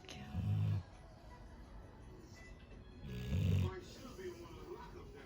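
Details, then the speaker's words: Labrador asleep on a bed keeps snoring despite being called: two low rumbling snores about three seconds apart over quiet room noise with faint background sound; snoring. "что все вернулись любовь моя такой ужасный голос что он не понимает кто его зовёт продолжает храпеть Это очень смешно"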